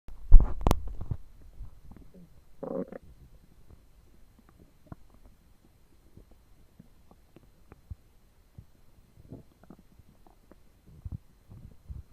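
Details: Stomach noises while digesting two foot-long sandwiches and a pint of cola: gurgling and rumbling abdominal bowel sounds (borborygmi) with scattered clicks and bubbles.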